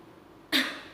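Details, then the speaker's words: A single sharp, forceful cough after a quiet pause, following three deep breaths with exhalation through the mouth; an effective cough demonstrated during a chest physiotherapy nursing lab procedure. "jadi nafas dalam tiga kali kemudian yang nafas yang ketiga dilakukan batuk"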